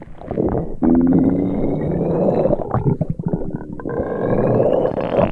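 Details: Simulated upset-stomach sound effect: long gurgling, groaning rumbles imitating stomach rumbling.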